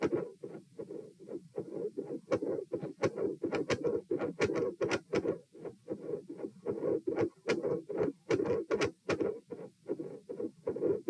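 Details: Stethoscope heart sounds at position P, supine, during repeated dry swallowing. Premature atrial contractions with swallowing-induced heart rate increase; swallowing-induced atrial tachycardia or PDA questioned.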